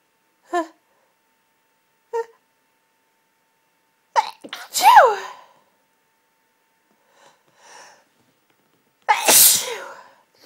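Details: Intense half-stifled sneezing fit, going on 20 minutes, nose tickly and congested: gasping build-ups, then strong sneezes, some partly held back and one loud full burst.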